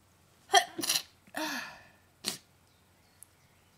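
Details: Varied sneezes, including loud, quiet, false starts, stifled and muffled ones: a sharp explosive burst, a stuttered double sneeze, a drawn-out sneeze and a smaller muffled sneeze.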